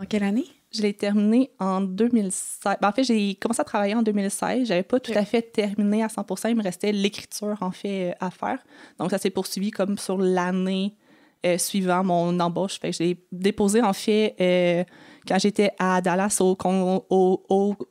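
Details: Adult French-speaking woman who has stuttered since age 6; stuttering.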